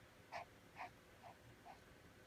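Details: A pet's cough: four short, honking bursts about half a second apart, fading in strength, against quiet room noise; the owner suggests comfort and maybe cough medicine from the vet.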